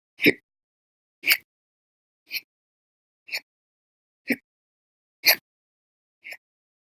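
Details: Frequent, forceful hiccups: seven abrupt, sharp hic sounds roughly a second apart, about 58 a minute, with silence between, part of violent, very loud hiccup episodes lasting many hours daily, recorded 11/21/19 to 11/30/19.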